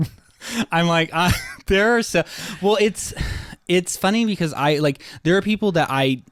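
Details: Adult male with a lifelong stutter, much worse as a child and less frequent now, with blocks and awkward pauses, using 'like' to get out of a stutter; stuttering.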